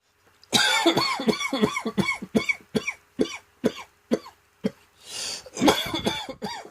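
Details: Rapid run of about ten short, dry, hacking coughs from a seasonal throat tickle returning on cold, damp autumn mornings, expected to develop into cold and bronchitis: cough from throat irritation.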